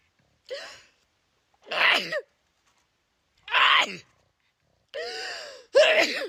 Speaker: About to sneeze. Hold on. Jesus. Swear I'm not allergic.